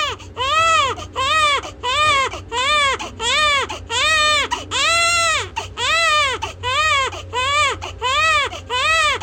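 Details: Vigorous infant crying in repeated strong rhythmic bursts, about 85 a minute, with a slightly hoarse edge.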